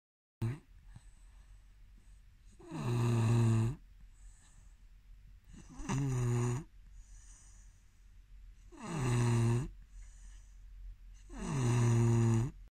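Four loud, low, rattling snores on the in-breath, about one every three seconds, with quiet out-breaths between: regular snoring.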